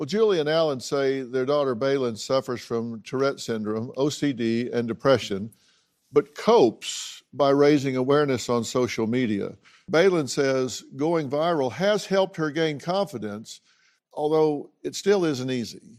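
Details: Adult male narrator; ordinary speech.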